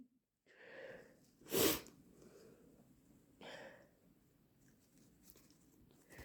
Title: Insanely wet induced hayfever sneezes